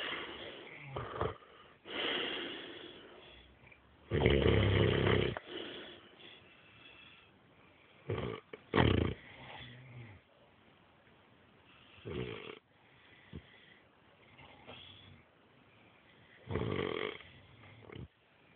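Irregular loud rattling snores with snorting bursts between quieter breaths during sleep; heavy snoring.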